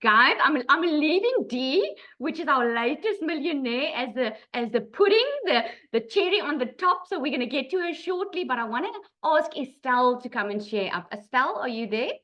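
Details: Adult woman speaking; Normal speech.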